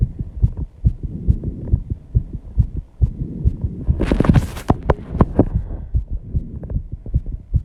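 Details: Own heartbeat after intense exercise with heavy breathing, measured 134 bpm: fast regular thumping about 135 a minute with a burst of heavy breathing midway; sinus tachycardia after exercise.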